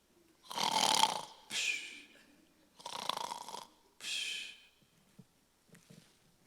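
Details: Simulated snoring imitated by an adult male comedian on stage; loud, rough snoring-like snorts and throaty breaths.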